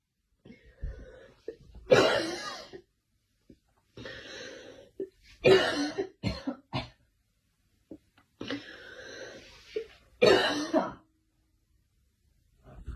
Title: Girl coughing 128